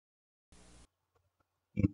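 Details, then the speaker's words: Polyphonic wheeze, several musical tones sounding together, simultaneous or staggered, characteristic of bronchial asthma; a brief musical wheeze heard on chest auscultation. "ονομάζεται πολυφωνικός συριγμός ο πολυφωνικός συριγμός είναι χαρακτηριστικός του βροχικο άσθματος"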